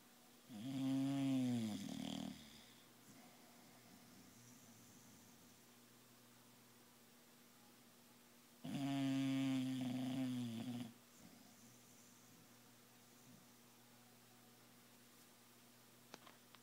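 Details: A sleeping dog snoring: two drawn-out, buzzing, tonal snores about eight seconds apart, with quiet breathing and steady room hum between.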